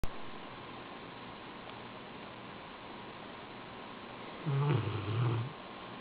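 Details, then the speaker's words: A sleeping Rottweiler dog snoring: one low rumbling snort of about a second against quiet room hiss. "Roman. Roman. You were snoring."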